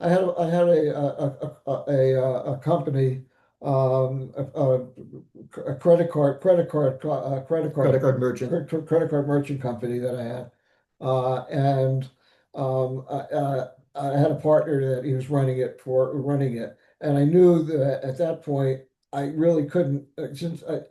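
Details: Adult male with aphasia since an ischemic stroke eight years ago, affecting speaking, reading and writing, still in weekly speech therapy; aphasia.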